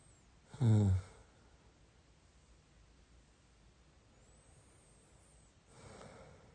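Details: Man asleep beside his wife: one short, loud snorting snore, then quiet and a softer breathy breath a few seconds later; snoring.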